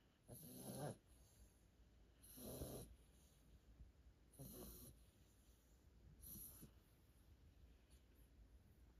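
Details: Sleeping Cane Corso and Pitbull puppies snoring: soft rhythmic snores, about four in nine seconds, each a low rattling breath with a faint whistle, over quiet room hum.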